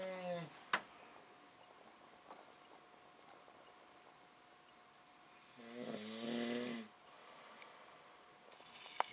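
Quiet room with one drawn-out, buzzing snore-like breath sound midway, plus a brief one at the start and a few faint clicks.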